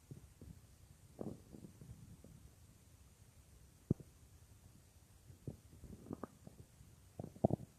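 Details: Real recording of a woman's own stomach, which she says sometimes gets loud, made for a roleplay: soft scattered gurgles and rumbles from the belly in a quiet room; ordinary stomach growling (borborygmi).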